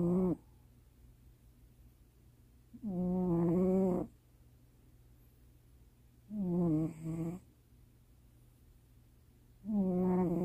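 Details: Loud, buzzing, slightly tonal snores, about 18 a minute with silence between breaths, from a male cat asleep in the owner's lap late at night; cat snoring.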